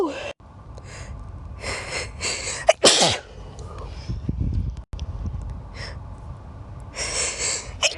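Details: Person sneezing nine times, not all in a row: sharp bursts of air, one loud sneeze preceded by a quick intake of breath, and softer sniffs; ordinary sneezing.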